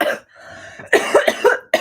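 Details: A few harsh coughs with a throaty, strained quality, after smoking a cannabis joint.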